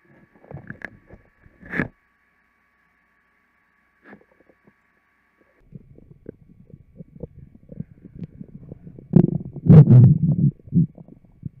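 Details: Bowel sounds (borborygmi) recorded with a microphone taped to the abs of a fit, healthy person: soft scattered gurgles building into a loud, low rumbling stomach growl.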